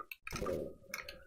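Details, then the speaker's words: Adult man's stomach gurgling, a brief soft watery gurgle and squelch, heard on the mic after eating a ghost pepper chip as the heat travels down to his stomach: borborygmi. "God, I don't know if you can hear that on the mic. That's my stomach gurgling as the heat travels down and is now hitting my stomach."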